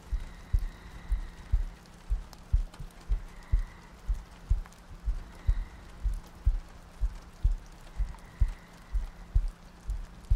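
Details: ASMR sleep-aid audio loop: steady, soft low heartbeat thumps at about 60 beats a minute, with rain ambience, soft breathing and faint tones behind; regular heartbeat.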